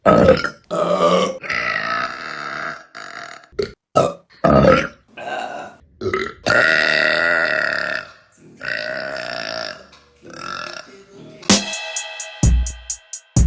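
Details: Woman belching, from a compilation of women burping: a run of loud, drawn-out voiced burps, some long and gurgling, with a few short bursts between them.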